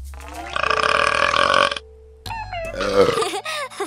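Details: Several loud, drawn-out, rumbling burps one after another from animated preschool TV characters, with faint room noise; burping.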